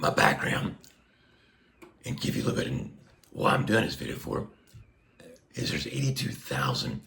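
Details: Adult man speaking through a Passy Muir one-way speaking valve on a tracheostomy placed under a year ago after neck cancer surgery; he reports restrictive, squeezing vocal cords and constant pressure.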